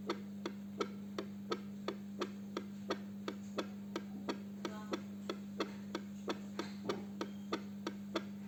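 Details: Rapid, regular clicking fetal heartbeat, about 165 to 170 a minute, over steady hum, recorded with a PDF22C fetal Doppler detector.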